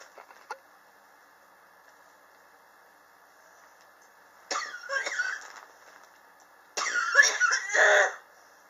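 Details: Two bursts of harsh coughing in a quiet room, the second longer with several hacking coughs; a chronic cough that began in summer 2016 and is still present in 2019.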